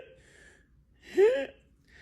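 One brief, harsh, high-pitched breath in with a rising tone, imitated by an adult: inspiratory stridor as heard in croup.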